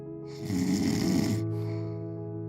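One rough, vibrating inward snore lasting about a second, followed by a quieter breath, with soft music underneath.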